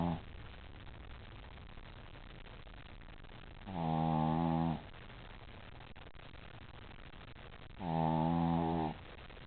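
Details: Dog Champ snoring after a long day at doggie daycare: two long, loud, buzzing, voiced snores about four seconds apart, with steady quiet breathing noise between them.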